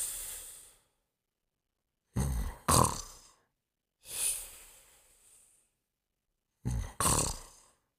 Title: Fafa's Dream Team Marathon: The Pink Panther Sleeping and Snoring in 1 minute and 3 seconds